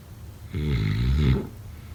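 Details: A single low, rattling snore lasting about a second, set against quiet room noise.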